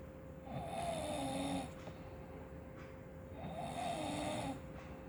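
Two low, rattling snores on breathing in, about three seconds apart, over a steady hum of room noise.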